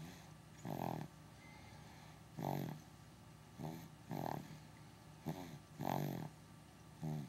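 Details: Dog named Henry napping: rhythmic, low rattling snorts with each breath, about 35 a minute, occurring from time to time during naps; ordinary, harmless snoring.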